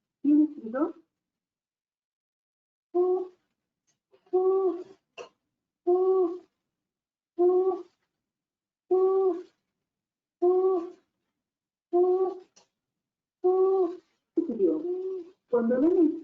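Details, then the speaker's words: Young girl with harsh, high-pitched noise on each breath in, about 40 a minute: inspiratory stridor. "inspiraba, escuchamos un ruido áspero. Por lo tanto, decidimos que tiene estridor."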